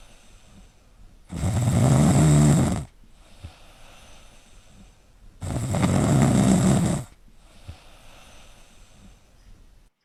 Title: snoring sleeping dog